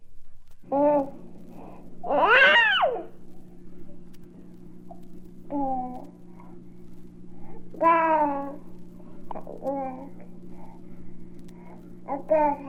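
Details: Infant babbling, from a 1967 recording of baby sounds.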